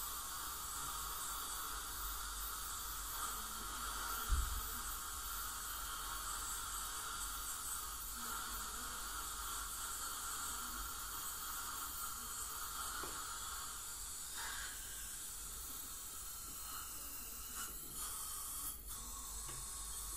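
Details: Steady high hiss and whine with a continuous sucking rush and brief clicks: ultrasonic scaler and dental suction during professional teeth cleaning of a patient with heavy plaque and tartar, possibly gingival inflammation.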